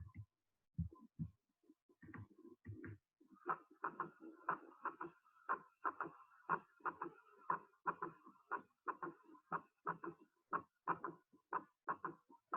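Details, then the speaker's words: Heartbeat at about 60 a minute with a soft, low-intensity extra sound in early (protodiastolic) diastole, immediately after the second heart sound, during rapid passive ventricular filling; third heart sound (S3). "las paredes ventriculares alcanzan rápidamente su punto de máxima extensión y eso va a ocasionar una vibración de baja intensidad que da origen al tercer ruido se escucha en la primera fase de la diástole así que es proto diastólica"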